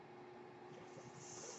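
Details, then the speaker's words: Mechanical ventilator noise from a person's own ventilator: a quiet, steady machine hum with a hiss of airflow rising near the end. "That noise hearing is my ventilator, and thank you for listening to Thranta Thursday on Page Turners They Were Not, my Star Wars podcast."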